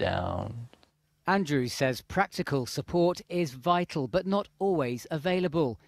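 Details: Adult news reporter narrating; no disorder.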